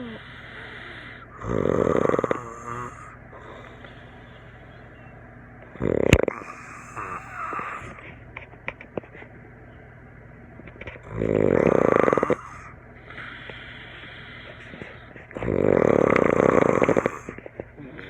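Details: Adult snoring during sleep after a campfire and some drinks, filmed by a friend and likened to a tree frog or alien: four loud, rough, rattling snores every 4–5 seconds with small snorts between; heavy snoring.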